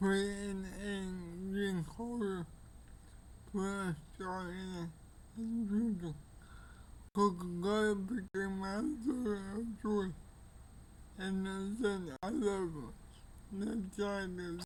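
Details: Older man with cerebral palsy; dysarthria due to cerebral palsy.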